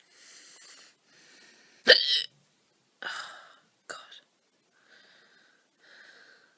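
Three sharp, loud voiced hiccups with quiet breathing between them: hiccups, involuntary spasms of the diaphragm closing off the voice box.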